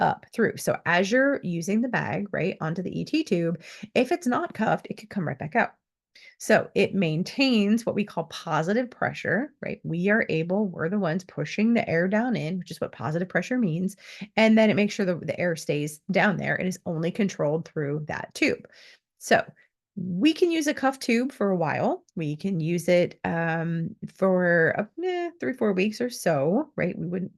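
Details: Adult woman speaking; typical speech.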